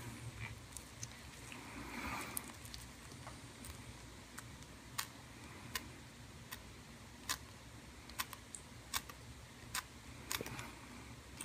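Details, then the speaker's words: Repeated sharp snipping clicks as scissors cut through scar tissue forming the sac around a cyst during excision under lidocaine with epinephrine, patient awake and reporting no pain; tissue cutting sounds during surgery. "you're hearing is the scar tissue well the scar tissue just is part of what forms this sac or capsule around the lesion"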